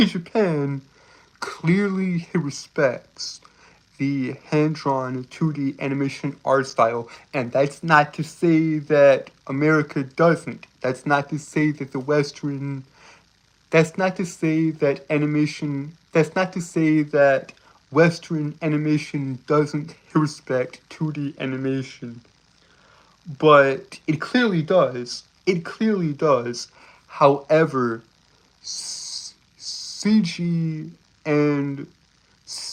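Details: Stuttering with word and phrase repetitions in a male streamer who reports a speech impediment that makes him stutter and trip over his words.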